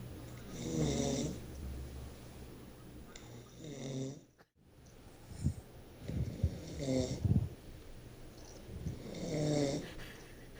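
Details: Sleeping man snoring: several rough, rattling snores on inward breaths, some with snorting sounds, spaced a few seconds apart; ordinary snoring likened to a pig.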